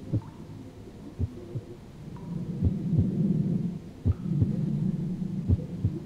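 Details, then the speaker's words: Virtual reality simulated patient, stethoscope on the chest: slow, regular paired heart sounds at about 42 beats a minute, bradycardia needing treatment; possible third-degree block is only speculated. "what's the first thing you notice about listening to this heart tone that is slow af my friend we need to get you treated"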